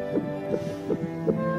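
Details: Fast, soft, whooshing pulses, about 150 a minute, under background music: fetal heartbeat on an obstetric ultrasound of a pregnant young woman who had bleeding, gestational age unknown, in a dubbed TV drama.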